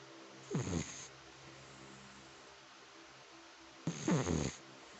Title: My dog has a cute snore